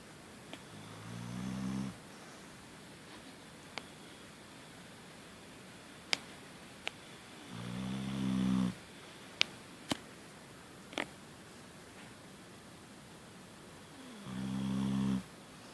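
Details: Sleeping animal snoring: three deep, rattling snores on the in-breath, about 9 breaths a minute, with faint clicks between; ordinary snoring.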